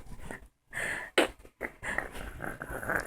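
Quick, noisy breaths in and out with short pauses, a dog panting indoors.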